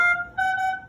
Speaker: This is a high priority alarm. It's red. It's saying disconnect. It's saying circuit disconnect. Your patient is not ventilating.